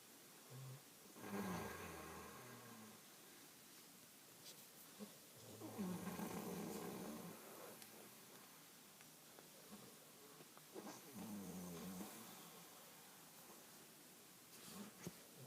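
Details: Adult man snoring in sleep: three loud, rough snores on in-breaths about 5 seconds apart, roughly 12 breaths a minute, with quiet room noise between.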